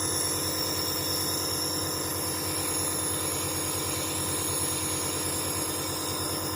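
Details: Dr Trust compressor nebulizer running with medication in the chamber and mouthpiece held between the lips: steady mechanical hum and hiss with no breaks.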